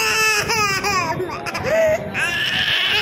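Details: Loud, high-pitched infant crying in repeated bursts with rising and falling wails from a baby girl during a blood test procedure, an ordinary pain or distress cry.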